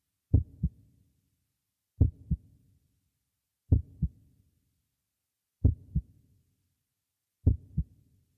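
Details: Heartbeat sound effect: five slow, deep lub-dub heartbeats at about 34 a minute, easing slightly slower toward the end.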